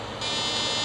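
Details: Fractional laser resurfacing on a patient's neck using a small-dot laser making 0.3 mm channels into hypopigmented skin; steady high-pitched electronic buzz as the device fires, with faint room noise.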